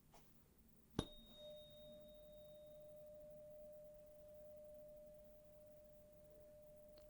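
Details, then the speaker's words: Simulated otolaryngology exam roleplay: a 512 Hz tuning fork struck and ringing, a sharp strike then a clear, crisp, steady tone slowly fading, demonstrated before Weber and Rinne hearing tests. "And we'll use a tuning fork for this. This is a 512 hertz tuning fork. This is what it sounds like."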